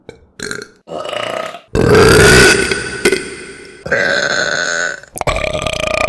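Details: Several loud, drawn-out voiced belches one after another, with brief gaps between them; burping.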